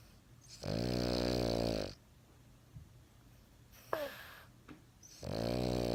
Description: Ozzy fell asleep on my arm and was sawing logs